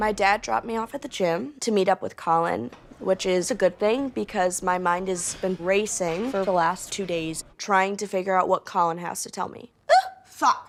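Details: 21-year-old woman with severe Tourette syndrome and obsessive-compulsive disorder; narration ends with an involuntary swear-word tic; vocal tic (coprolalia) in Tourette syndrome.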